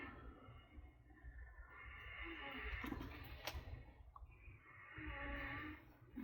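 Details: Two slow, rough, noisy breaths about three seconds apart from a sleeping dog, with a brief paper rustle between: snoring.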